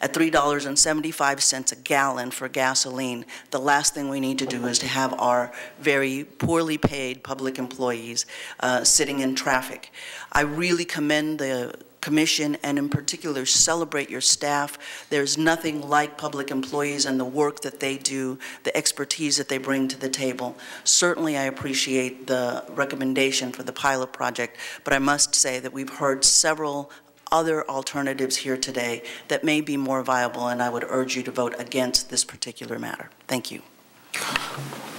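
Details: Vocal tremor in an adult woman who states she has a vocal tremor; real, not acted.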